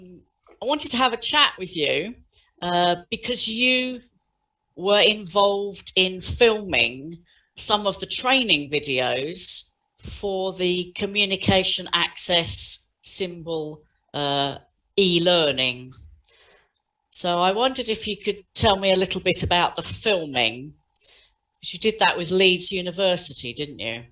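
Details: Adult speaker, interviewer; ordinary speech.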